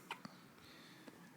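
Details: Baby girl's first hiccups: short, sharp, prolonged infant hiccup sounds over quiet room noise. She smiles between them and seems about to spit up.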